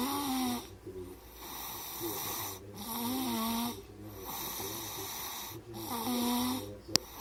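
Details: Baby snoring: repeated rattling snores, some with a whistling or musical tone, about 20 breaths a minute, over steady background noise.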